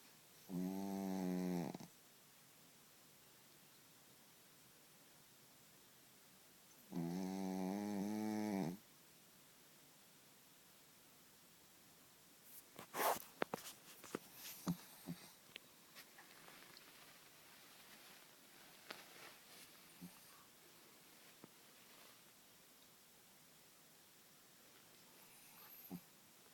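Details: A sleeping dog snores loudly in the morning: two rumbling, tonal snores about six seconds apart, then quiet rustling.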